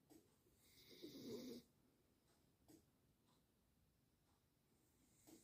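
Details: A sleeping dog, tagged both beagle and labrador, snoring: soft snuffling with one longer rattling snort.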